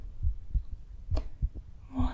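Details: ASMR medical roleplay home cardiovascular exam: stethoscope auscultation with real heartbeat sounds while the patient answers history questions about chest symptoms; normal heart sounds.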